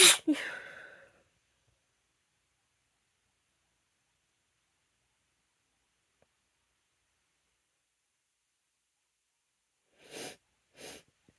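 A sharp sneeze at the start, then long silence and two softer sneeze-like bursts near the end; allergic sneezing.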